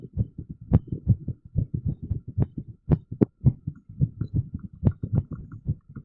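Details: Irregular heartbeat: fast rhythm of about 110 beats a minute with uneven spacing between beats.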